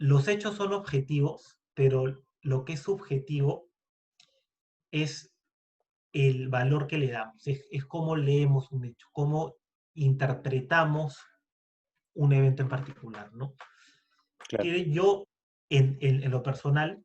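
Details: Adult man who stutters, speaking Spanish in a podcast conversation; stuttering.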